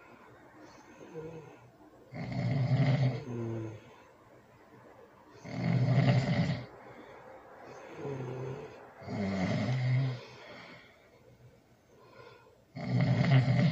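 Loud, rough snores recurring about every three to four seconds, with softer breath sounds between; typical sleep snoring in a quiet room.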